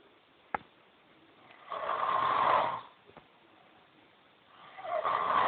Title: snoring!